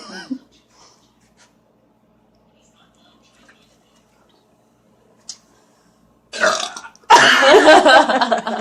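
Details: Burp challenge after gulping Coca-Cola Zero soda: mostly quiet, then two loud, long, rough belches near the end, the second drawn out over a second; ordinary burping.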